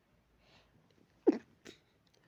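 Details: Dog with allergy making pinch sneezes: two quick, sharp nasal sneezes, the first louder.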